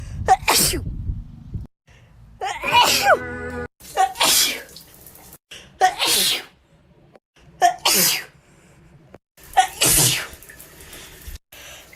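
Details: About seven wet, forceful sneezes, some with a short voiced lead-in, separated by brief silences; wet sneezes.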